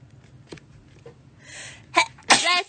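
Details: A singer sneezing: a quick breath in followed by two sharp sneezes, the second louder and longer; ordinary sneezing.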